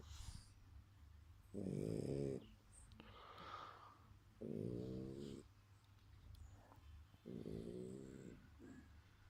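Loud, rough, groaning snores from a sleeping dog, about 20 a minute, with quiet breathing between them.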